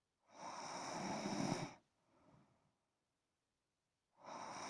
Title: Snoring son no copyright